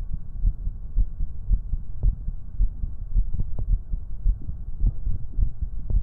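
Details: Heartbeat sounds played during a binaural 3Dio microphone ASMR stream: soft, muffled low thumps repeating steadily under constant hum, roughly 55 beats a minute; normal heartbeat.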